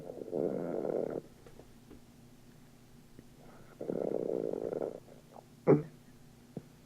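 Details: Sleeping man, hard to wake, with two long rough rattling breaths about three seconds apart, then a short snort; snoring.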